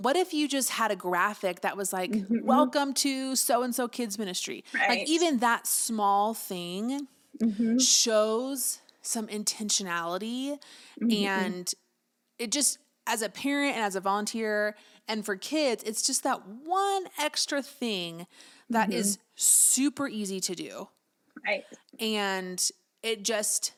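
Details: Adult woman speaking; typical voice.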